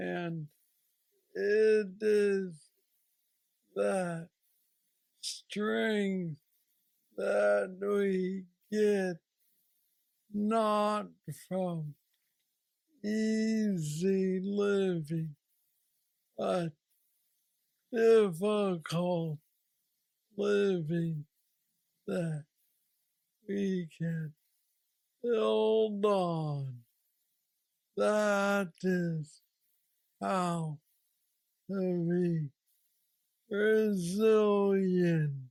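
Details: 46-year-old man with Parkinson's disease diagnosed at 35, about 11 years ago, which he describes as the most aggressive form, with mobility struggles and a deep brain stimulator implanted 2 years after diagnosis; real patient; Parkinson's disease speech (hypokinetic dysarthria).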